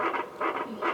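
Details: Rapid, rhythmic whooshing fetal heartbeat on a handheld Doppler, from a pregnant woman with a previous cesarean planning a vaginal birth after cesarean (VBAC) with a licensed midwife.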